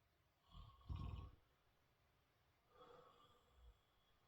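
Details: Quiet, low, fluttering snores with a snort-like burst, heard during sleep; ordinary snoring.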